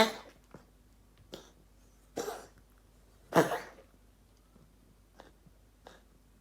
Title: Manuka coughing